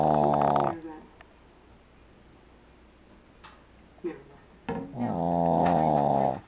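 Two loud, tonal, rumbling snores separated by a few seconds of quiet breathing, in a small room; snoring.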